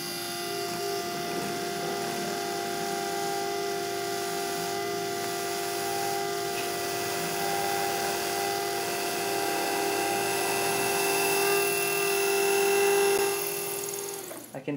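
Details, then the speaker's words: Dental implant pilot drill with 13 mm length stopper, drilling quickly to 13 mm bone depth after spade marking, for a 3.75 × 13 mm C1 implant: high steady whine with slight pitch shifts, then stops. "as I mentioned we're drilling to 13 millimeter depth so I would use our 13 millimeter length drill as a built-in stopper to prevent me from over drilling in the interest of time I'm going to drill rather quickly"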